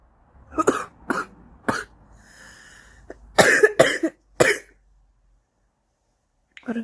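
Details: An adult woman who had just lit a cigarette gives repeated harsh, wet-sounding coughs in short clusters for about two minutes; a smoker's cough.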